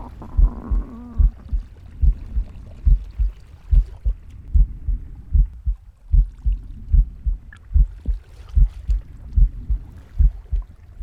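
Steady heartbeat, about 73 beats a minute, with soft breathing and a brief gurgle of stomach growling; normal heart sounds.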